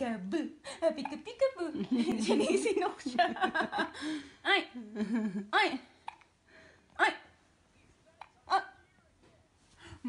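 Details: A girl with her godmother having hiccups: repeated short, sharp involuntary breath catches mixed with talking and laughter.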